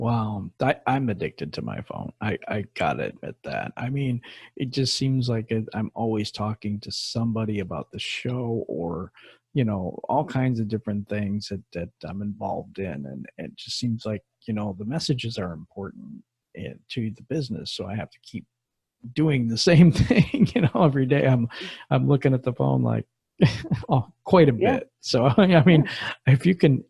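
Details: Adult man speaking; ordinary speech.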